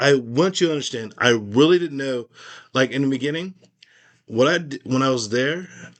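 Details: Aphasia after a stroke in a man, speaking in a conversation about his recovery; finding: aphasia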